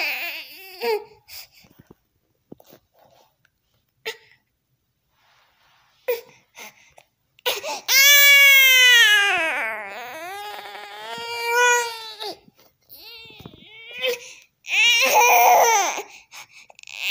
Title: Baby angry